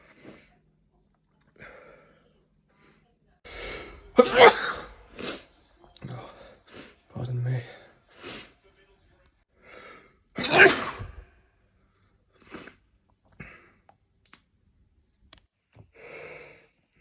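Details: Several separate sneezes of varying force, each a sharp burst after a brief intake, with soft voiced sounds between; ordinary sneezes.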